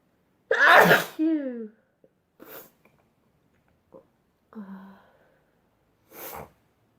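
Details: Three sneezes in a row, a loud first then two quieter ones, each a sharp expulsive burst, from a sneezing compilation.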